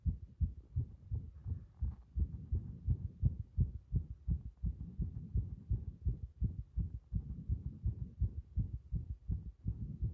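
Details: Compressed (muffled) heart sounds with arrhythmia: rapid, muffled low thumps at about 167 per minute with uneven spacing between some beats, fitting an irregular rhythm.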